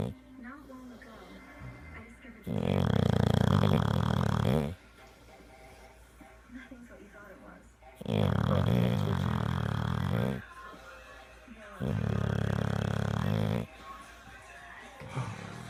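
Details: Dog snoring loudly while asleep: three long, rough rumbling snoring breaths in about sixteen seconds.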